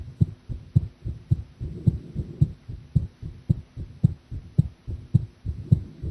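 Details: Live-streamed heart sounds of a person drinking coffee, who felt the heartbeat was unstable; steady paired heart sounds at about 109 beats a minute, mildly fast but even rhythm.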